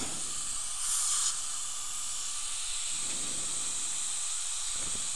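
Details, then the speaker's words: Dental air syringe drying a lower right second molar (tooth 31) after cavity cleanser, during an all-ceramic e.Max crown preparation: a steady airy hiss. "that's just a 15 second application and then we'll rinse that off now I'm gonna dry the two"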